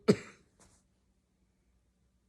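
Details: A single sharp cough burst followed by a faint short after-sound, then quiet room noise; the person asks whether the cough sounds fake; cough.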